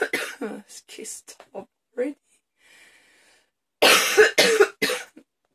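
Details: Afternoon coughing fit: runs of harsh, forceful coughs in two clusters with a brief pause between, a hard coughing fit.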